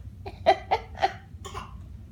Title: 2015 and the fake sneeze